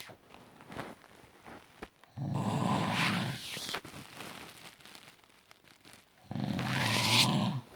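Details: A person snores: two loud, rough, rattling snores about four seconds apart, with quiet breathing between them.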